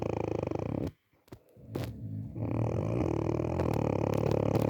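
Loud, rough, vibrating snore with a short pause, then a long grating snore; heavy snoring.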